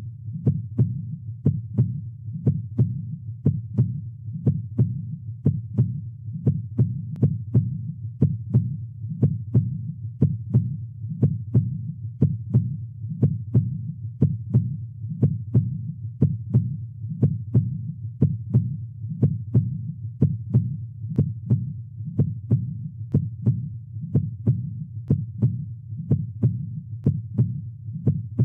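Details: Regular low heart sounds at 60 bpm with normal S1 (mitral valve closure, start of systole) and S2 (aortic valve closure, start of diastole); normal heart sounds.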